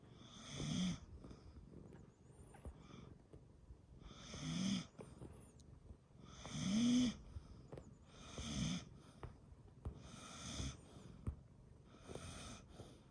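Regular rasping snores about every two seconds, roughly 30 a minute, from a sleeping dog; ordinary snoring.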